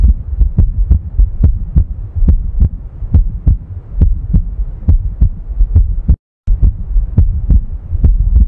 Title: Heart sound #health #heart #heartbeat